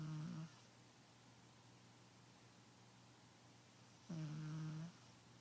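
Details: Sleeping fat pet cat snoring, a cat that also sleeps in strange positions: two low, buzzing snores about four seconds apart with quiet breathing between them.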